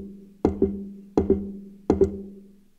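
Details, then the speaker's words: Imitated heart sounds: sharp knocking pairs at about 80 a minute with wide, fixed splitting of the second heart sound, described as pointing to an atrial septal defect causing palpitations, missed in a patient dismissed as anxious. "that was what's called fixed splitting of the second heart sound so it would sound like this instead of the closeness that I showed you it would sound like this"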